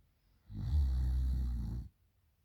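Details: Girl snoring loudly at night: a single deep, loud, rattling snore lasting over a second, with silence before and after.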